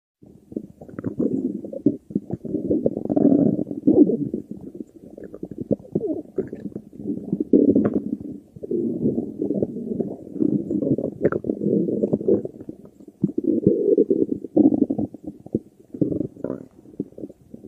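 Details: Stomach growling in a girl: long, low gurgling and rumbling bowel sounds in waves with brief pauses, typical of normal borborygmi.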